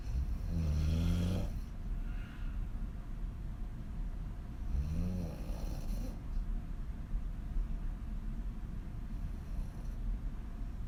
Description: Extreme female snoring on her back with wide open mouth